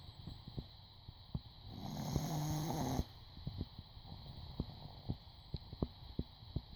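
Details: Dog asleep curled tightly under a person's folded legs on a couch, with one long, low rattling breath among soft ticking noises; loud snoring during sleep.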